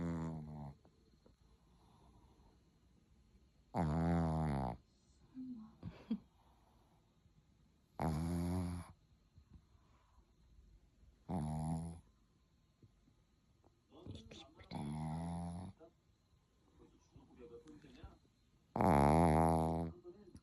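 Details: Sleeping dog snoring, with rhythmic rattling buzzes about every four seconds, roughly 15 per minute.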